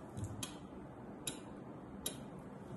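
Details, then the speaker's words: Vocal imitation in a cardiology auscultation lesson, listening at the apex: sharp high clicks of the second heart sound closely followed by a mitral opening snap. "تاني حاجه تتسمع مع النازله اللي هي الاوبن سناب ودي صوتها"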